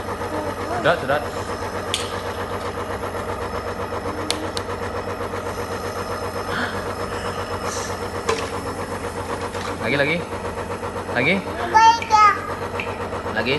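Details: Compressor nebulizer used on a child with cough and cold to thin phlegm: steady mechanical buzzing hum throughout, with the child's faint voice and brief adult prompts to inhale in the background.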